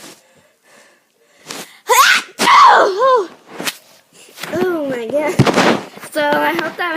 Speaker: Today I'm going to be showing you my sneeze because I have a really weird sneeze, so I'm just going to show it to you guys.